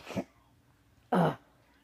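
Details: Older woman (grandmother) gives a single sharp, forceful sneeze after a small lead-in breath and a pause, while a child laughs at it and at her messy hair: sneeze.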